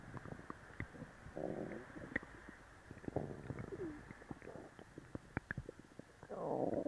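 Low gurgling and bubbling abdominal rumbles with scattered pops, typical of active bowel sounds after a laxative.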